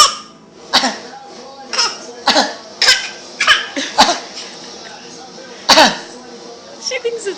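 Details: Young child imitating dad's coughing: a series of short, playful fake voluntary coughs, each a brief bright burst, with giggly sounds between.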